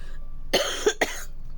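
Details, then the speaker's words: Adult with suspected adenovirus, coughing a lot lately: two or three harsh, explosive coughs in quick succession with a rough, barking, dog-like edge. "I I like I cough cough cough like a dog lately."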